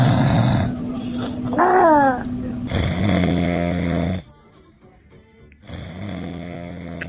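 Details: A father's loud, low, rattling snores every few seconds while a baby reacts, with music playing in the background; snoring.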